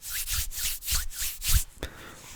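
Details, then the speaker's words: Hand-rubbing imitation of a pericardial friction rub: harsh scratchy leathery strokes masking S1 and S2. "okay some say it sounds like leather at muffle CS one and two sounds breathing in can accentuate the sound taking a breath"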